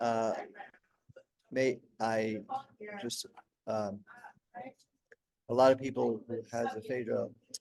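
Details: Adult man 16 years after a stroke during heart valve surgery, with post-stroke aphasia; he could say only one word for about a year at first and still has word-finding difficulty.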